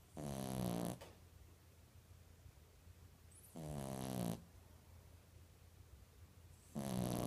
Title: Snoring 3/13/15